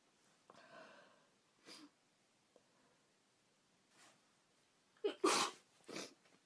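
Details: Woman with a cold: quiet sniffles, then two sharp sneezes in a row near the end, in a quiet room; sneezing.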